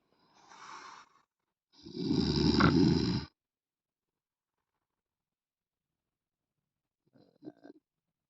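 Two rough snoring breaths, the second loud and rattling, then a faint snort after a long silence. Snoring.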